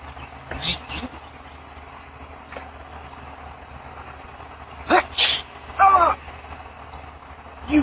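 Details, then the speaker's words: Hard sneeze caught outdoors on a front-porch Ring camera: a short intake, then two sharp, forceful bursts close together over steady outdoor noise; sneezing. "I know, Dad did it again. I sneeze shitted. I did."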